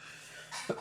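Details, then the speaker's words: Adult coughing while speaking, saying they have a bad cough: a single short, harsh cough after a moment of quiet room tone. "you don't have to listen to this you don't have to listen to this cough but I appreciate should muscle and through it"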